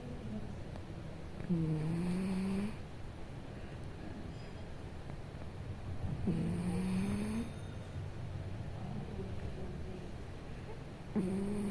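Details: Sleeping cat snoring: three tonal, buzzing snores on inspiration, about 12 a minute, steady and unlaboured. Ordinary snoring.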